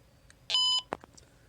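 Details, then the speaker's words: Single short electronic beep from a wireless bedwetting alarm transceiver in synchronizing mode; a second beep and green light confirm it has synchronized with the remote. "a second beep and it turns green the product is now synchronized"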